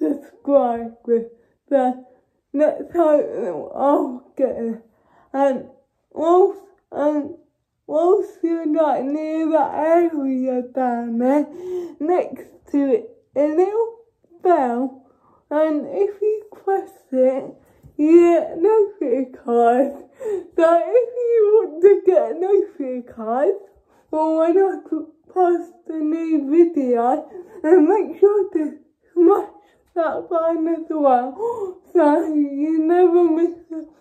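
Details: Dysarthric speech in a young woman with cerebral palsy.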